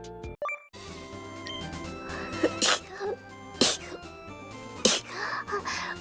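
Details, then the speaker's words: A VTuber sneezing during a stream, remarking that a sneeze came out: three sharp sneeze bursts in quick succession over background music and game sounds; ordinary sneezing. "ほほほほ。くしゃみが出ちゃった。"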